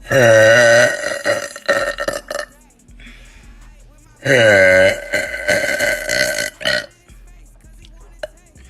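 Two prolonged, loud, resonant belches several seconds apart, each trailing off in rougher bursts, faint music behind: burping.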